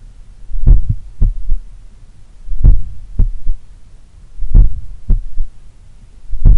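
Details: Slow, regular heartbeat near 31 a minute recorded at the apex in the morning while lying on the left side; each beat has a soft third thump after the second sound, attributed to blood recoil or a supple left ventricle. Finding: third heart sound (S3).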